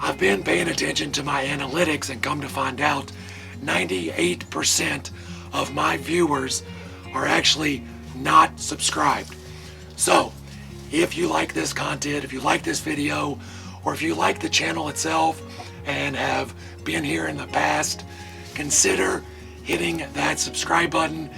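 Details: Adult man with vocal cord paralysis caused by surgery that damaged throat nerves, paralyzing the muscles acting on his vocal cords; he says talking is hard and hopes it is temporary; vocal cord paralysis.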